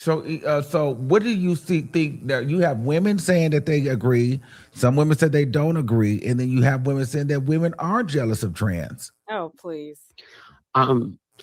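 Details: Adult speaker; Ordinary conversational speech.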